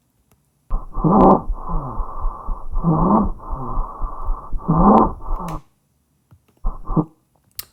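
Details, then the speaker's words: Stridor: loud, harsh, high-pitched, musical noisy breathing from a narrowed upper airway, as heard with an object stuck in the trachea or upper respiratory tract, or in a child with croup. "specifically if you get something stuck in your trachea your upper respiratory tract or if it's a child that has crew you're going to hear this"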